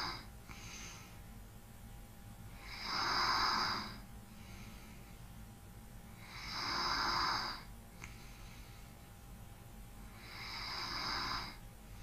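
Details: ASMR recording of light snoring: soft rhythmic snoring with light breathing, about 16 breaths a minute, each inhalation carrying a gentle rasp.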